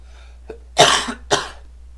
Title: Demonstrating the CPU. Then coughing a lot. Sorry about that. I may be dying.